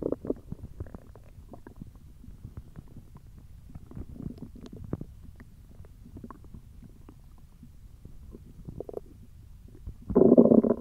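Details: Hungry belly noises (borborygmi): low gurgling and rumbling bowel sounds with irregular bubbling pops, ending in a louder growl.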